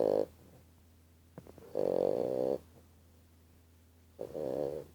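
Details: Five-month-old bulldog puppy snoring: short, buzzing snores repeating about every two seconds, with quiet pauses and soft snuffles between them.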